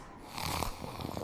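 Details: Snoring from a sleeping pug: a brief, low rumbling snore with noisy airflow on the breath.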